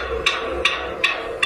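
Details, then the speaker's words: Fetal heartbeat captured from a Doppler baby heartbeat check: sharp, regular clicking beats over a low hum, about 155 a minute. "ಸುಮ್ನೆ audio capture ಮಾಡಿದೆ ಪಾಪುದು heart beat check ಮಾಡ್ತಾರಲ್ಲ ಅಲ್ಲ ಅದರಲ್ಲಿ sound ಬೇಕಾದ್ರೆ ಕೇಳಿಸಕೊಳ್ಳಿ ಹಾಕ್ತೀನಿ"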